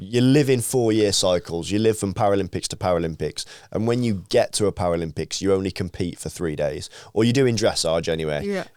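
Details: Adult male speaker; normal speech.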